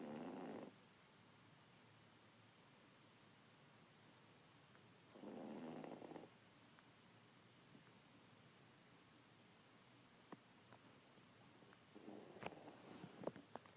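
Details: Poodle sleeping on a lap: soft, short snorting snores at irregular intervals with faint ticks between; light snoring.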